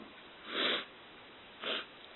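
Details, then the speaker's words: Sick person, with a recent likely fever, sniffling: two short nasal sniffs, the second softer, with quiet room noise between, sniffling from nasal congestion. "I keep sniffling"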